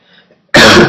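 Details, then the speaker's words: Single abrupt, explosive adult cough that sounds like a sneeze, after a brief quiet moment, during a podcast; the speaker reports a recently developed cough, barking when laughing; cough. "I am now uh have a barking cough when I laugh so I'm getting all sorts of coughs and you may hear them on these podcast"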